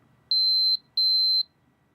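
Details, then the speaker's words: Man with type 2 diabetes, diagnosed January 2014, doing his daily finger-prick blood sugar test: two short high glucose-meter beeps signal enough blood on the strip. The reading was 6.7, after a curry and rice dinner. "Put on the tester. Gives off a beep, which means it's got the right amount of blood there to test it."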